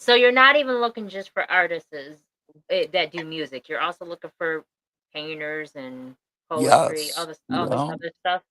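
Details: Adult speaker; normal voice.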